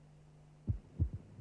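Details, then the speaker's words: Simulated heart sounds from a cardiac auscultation teaching program, low thumps with the second sound briefly doubled, its two elements recognizable but not completely separated, varying with normal respiration: physiological splitting of the second heart sound, a normal finding. "lesser degrees of splitting can be recognized with practice for example while each of the two elements of the second sound may be recognizable they may not be completely separated"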